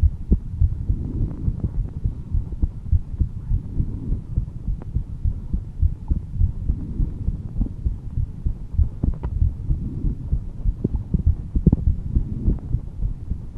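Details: Adult heartbeat at rest, described as slightly calm, audio only: soft, low, muffled thumps repeating steadily; normal heartbeat.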